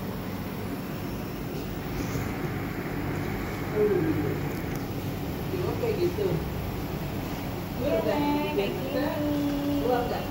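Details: Omron nebulizer compressor running with constant mechanical hum, treating a child's cough and flu; child inhaling with mouth open, adult and child talking softly in background.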